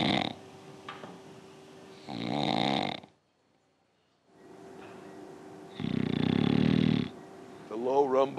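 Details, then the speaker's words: Snoring with obstructive sleep apnea: two loud, low rumbling snores separated by a brief silence of no airflow (an apnea), then a higher-pitched snort. "Now that was an apnea. Apnea means no air flow."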